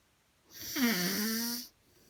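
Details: 15-year-old boy (5 ft 10 in, 156 lb) snoring: one long, loud, buzzy snoring breath with a whistling, rasping tone; snoring.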